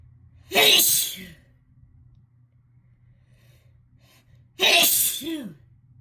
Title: Chhinkni induced harsh sneezing fit plus nose blowing